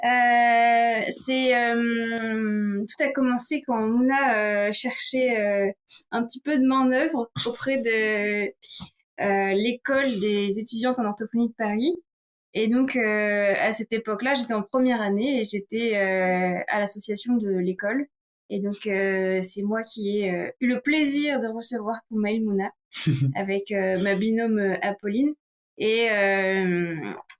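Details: Adult woman speaking French; fluent speech.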